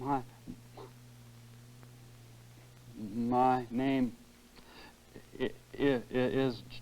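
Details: Adult man in stuttering group therapy, in treatment for about two years, formerly stuttering severely, demonstrating his stutter from two years ago while saying his name, with some old tension returning; stuttering.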